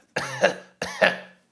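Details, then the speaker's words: Adult pharmacist acting out a dry cough as a demonstration: two short, dry, hacking cough bursts with no rattle or wet sound, dry and irritating rather than productive. "a dry cough is just dry and irritating"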